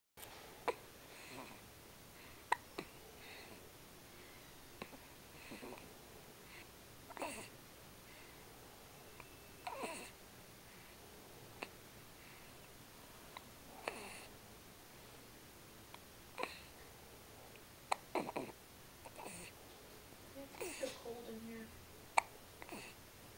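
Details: Soft, brief hiccups from a small boy, recurring every few seconds in a quiet room.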